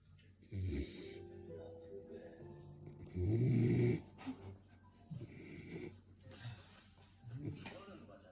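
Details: A sleeping Labrador Retriever puppy gives rough, low, rattling snores about every two seconds over soft background music: snoring.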